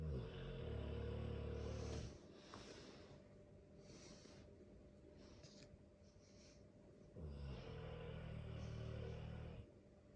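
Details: Long, deep, rattling snores about two seconds each, with quieter breathing between, from a sleeping Dogue de Bordeaux; snoring.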